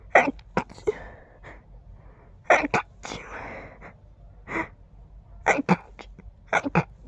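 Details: Very stifled, huge allergic sneezing fit: a rapid series of muffled, suppressed sneezes with quick catching breaths, described as tickly and fast, with the urge to sneeze on every breath.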